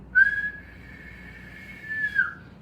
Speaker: And if you were to listen to someone's lungs and hear what their lung sounds like, you would hear high pitch wheezing. So the whistle sound like